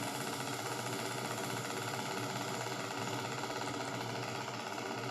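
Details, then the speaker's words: Single fiber needle EMG recording: a continuous crackling, buzzing discharge whose sound keeps changing, with poor trace superimposition; jitter of 38 microseconds, slightly higher than the prior 10-microsecond normal recording; slightly increased jitter. "this is slightly higher Jitter compared to the previous recording and the Jitter was 38 microc okay"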